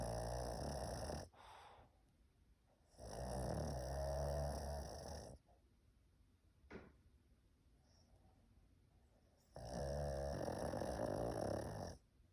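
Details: Pug dog sleeping and snoring loudly.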